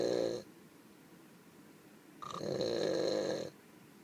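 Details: A sleeping donkey snoring, with two rough, rasping snores on the in-breath and a quiet pause between them.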